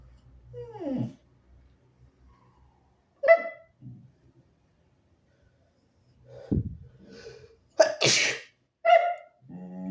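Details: Repeated very harsh, forceful sneezes with voiced build-up and explosive release, plus some harsh coughing, from an ill nonbinary person (he/they).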